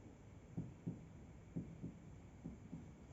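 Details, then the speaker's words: Lung physical examination on a 45-year-old man: percussion at the right midclavicular line during held deep inspiration, three pairs of soft taps shifting resonant to dull; liver border excursion about two fingers, normal. "Baik, ditemukan perubahan suara dari sonor ke redup 2 jari, sekitar 2 jari, di mana itu merupakan batas yang normal."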